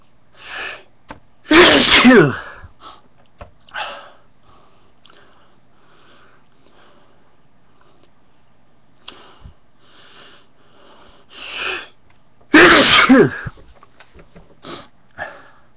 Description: I think I counted seven in that 1 minute?